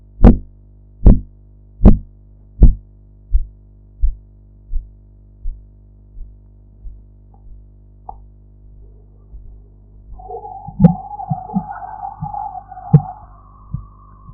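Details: Blood pressure practice recording with a sphygmomanometer: regular tapping pulse sounds under a deflating cuff, loud at first then fading away. These are normal Korotkoff sounds.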